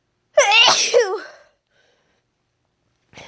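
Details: Single loud voiced sneeze with a sharp burst and trailing vocal sound, then quiet; deliberately induced sneeze after months without inducing.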